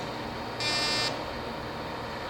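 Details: Fractional laser fires during live resurfacing of a patient's neck, targeting margins of hypopigmented skin: a single high-pitched electronic buzz lasting about half a second over room hum.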